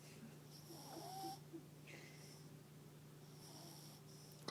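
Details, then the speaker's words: A chubby female papillon dog snores while asleep on the owner's lap, with soft snorting breaths and faint squeaky whistling on some breaths over a low room hum. "Are you snoring? Are you snoring, honey?"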